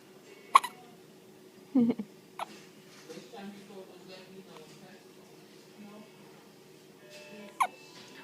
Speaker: Hi, Daddy. You get the hiccups, huh?